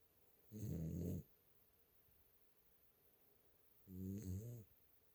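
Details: Lil Caeser sleeping: snoring sounds.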